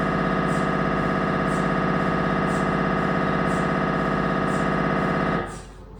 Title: 🧲 Siemens Magnetom Avanto MRI Sounds 1.5T